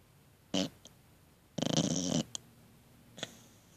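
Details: Pet snoring in a quiet room: a short snort, then one rattling, fluttery snore lasting about half a second, with brief soft sniffs between.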